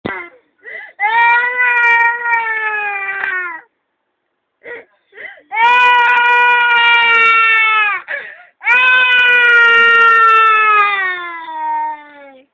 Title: Crying.mp4